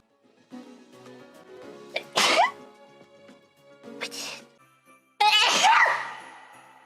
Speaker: i sneezed in the funny echo box yay